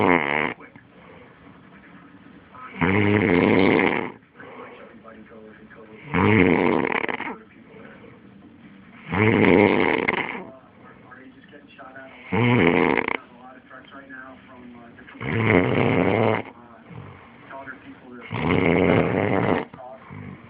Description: This is me snoring, hahahaha